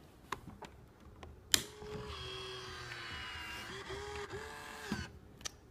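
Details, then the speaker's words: B. Braun Infusomat Space IV pump in an EMS training refresher: door opened, tubing reloaded, door closed with clicks and a latch, then steady motor whirring with slight pitch change as the loading mechanism runs. "so open the door reload the tubing make sure everything's in place close the door"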